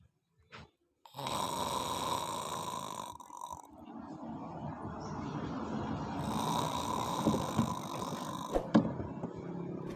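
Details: Sleeping dog snoring: rough, rattling breathing noise with a steady high-pitched hum in the background.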